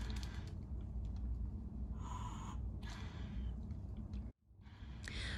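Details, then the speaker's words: Training manikin, open tracheostomy suction: breathy whooshing puffs as a resuscitation bag is hand-squeezed through the trach to hyperventilate with three to six slow breaths before suctioning, over low room rumble. "using non-dominant hand hyperventilate patient by attaching resuscitation bag deliver three to six slow breaths and allow patient time to exhale between breaths"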